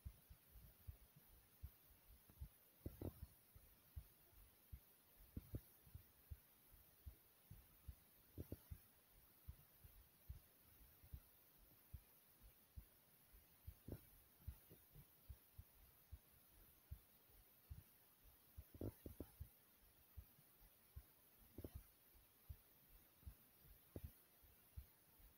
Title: My Soft Heartbeat ❤❤